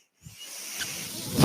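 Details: Speaker's own home mechanical ventilator airflow during a podcast: a soft, steady hiss of pushed air with a faint low rumble as it delivers a breath.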